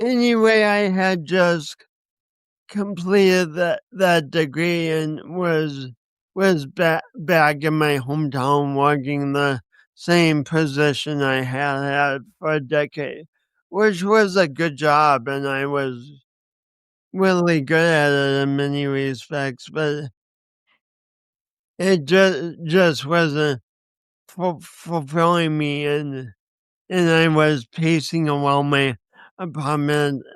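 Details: Speech impediment (dysarthria) in a 50-year-old man, lifelong and linked by him to a birth injury, with accompanying coordination issues; he describes it as a disability.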